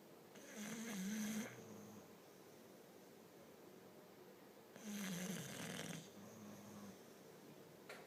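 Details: Bully-breed dog napping on the couch in the afternoon gives two slow, rattling snoring breaths in a quiet room, about 15 breaths a minute: dog snoring.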